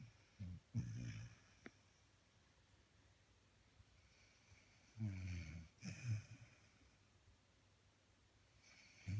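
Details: Light snoring: a few short, low, snorting breaths separated by long pauses in a quiet room.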